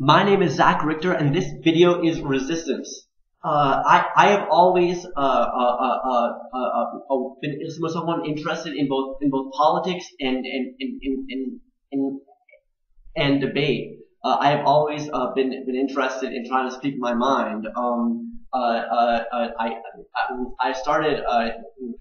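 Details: Adult man who stutters, also on the autism spectrum, with a father who also stuttered; syllable and word repetitions, pauses and blocks between words, worse when passionate or anxious; stuttering.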